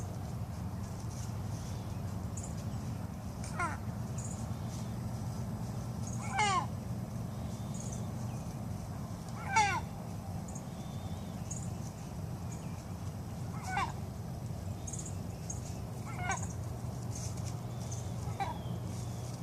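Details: Chicken having a sneezing fit: about six short, sharp sneezes spaced a few seconds apart over a steady low hum. Sneezing.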